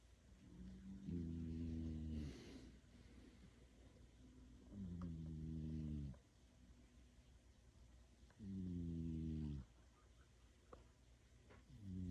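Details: Cat sleeping on a person's lap: soft, regular buzzing snores, one on each breath in, about 17 a minute; sleep snoring.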